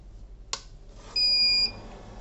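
A click, then a single short high-pitched electronic beep lasting about half a second; the normal power-on tone of a syringe pump.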